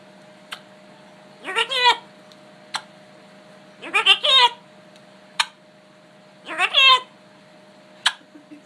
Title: sneezing bird